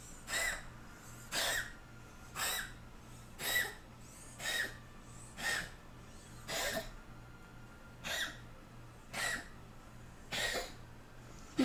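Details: A male cat gives a run of about ten short, harsh, wheezy coughs, roughly one each second, fairly loud; he coughs like this sometimes and never brings anything up.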